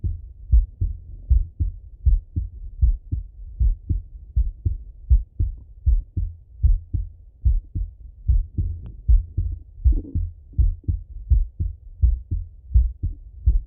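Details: Full heart auscultation of a male through a stethoscope, recorded either sitting at a desk or lying in bed: regular low thumping heartbeat at about 79 beats a minute; normal heart sounds.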